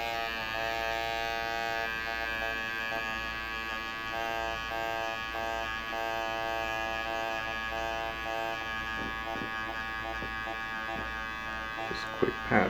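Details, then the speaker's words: Steady high electric buzz of a motorized 12-needle microneedling pen making quick passes over the forehead, where the skin turns red and tingles, during a facial for acne and keratosis pilaris. "I need to move on very quickly because these are 12 small needles puncturing the skin"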